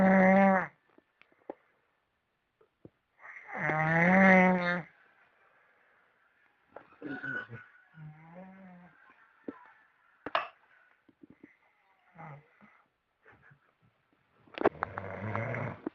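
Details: Loud, pig-like snorting snores with quiet pauses between them, plus softer whistling and snuffling breath sounds; snoring.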